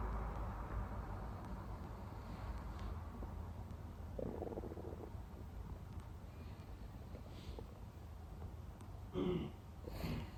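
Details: Close-up recording of continuous stomach growling (borborygmi): low rumbling and gurgling from the abdomen with a few louder squelching bursts near the end.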